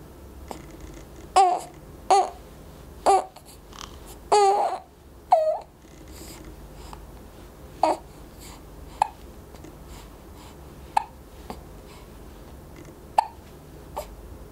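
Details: 4-week-old baby with hiccups: about a dozen short, sharp hiccups with small voiced squeaks over fifteen seconds in a quiet room.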